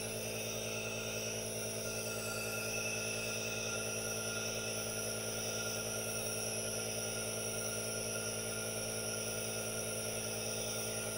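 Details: Aerosol nebulizer running for a no-talking ASMR relaxation recording with hand movements: steady hiss with a continuous motor hum, unchanging throughout.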